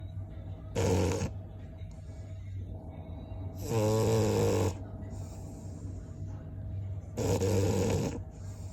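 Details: Three loud rattling snores at slow, steady intervals, roughly 20 breaths a minute, over a steady room hum; snoring.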